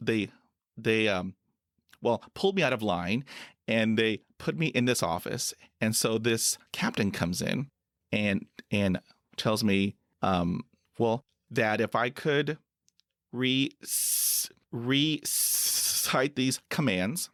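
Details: Adult man who stutters and is a Persian Gulf War veteran who served in the U.S. Air Force in 1990; repetitions and filler interjections: stuttering.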